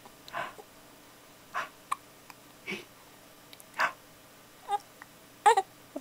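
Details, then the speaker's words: Baby hiccups: repeated short, abrupt catching sounds about once a second, some doubled, in a quiet room. "have you got the hiccups have you got the hiccups"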